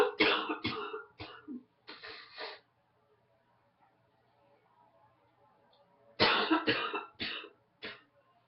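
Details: Adult who woke up congested with a morning head cold: two bouts of about eight harsh, throaty coughs with throat clearing; cough with head cold.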